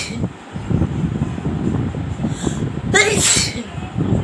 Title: Nose Sneezing Challenge 🤧 part 3 🤧 Paper Roll Nose Sneezing Challenge// Required video